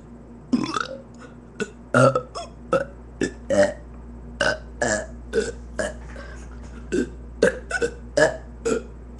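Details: A long run of burping: about twenty short, throaty burps over roughly nine seconds against a steady background hum.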